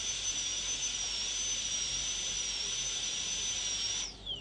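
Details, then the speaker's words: Dental high-speed air-rotor handpiece on a molar PFM crown preparation, moving in one direction and lifting, extending interproximally without breaking contact; steady high-pitched whine dipping slightly under load, then winding down. "so you always go in One Direction lift come back go in the same direction lift come back okay you'll appreciate that from the sound that the aor makes see that I'm lifting"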